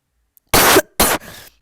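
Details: Two sharp, dry coughs close to the microphone, the second trailing off into a breathy exhale; deliberate coughing recorded for listeners.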